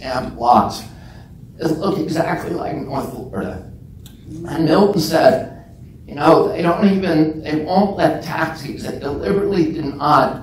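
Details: Adult man with spasmodic dysphonia (self-described as spasmodic dystonia), onset at age 42 after a previously strong voice; he says the voice tremble lessens or goes away after speaking a while and is not painful.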